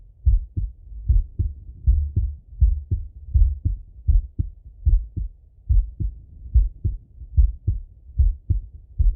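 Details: Male, heart auscultated by stethoscope while sitting at a desk or lying in bed: regular, clear, low-pitched lub-dub at about 76 beats a minute, normal heart sounds.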